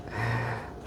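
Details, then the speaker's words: A sleeping person snoring in the background: a single low, rattling snort-like breath lasting about half a second. "by the way that noise in the background that's uh captain benji they're snoring"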